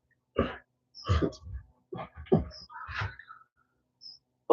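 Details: A man with Tourette syndrome, woodturning in his workshop, makes short bursts of snorting, throat clearing and panting breaths with no speech: simple vocal tics of Tourette syndrome.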